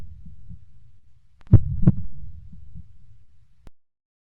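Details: Heartbeat sound effect: a low muffled rumble with a pair of strong thumps.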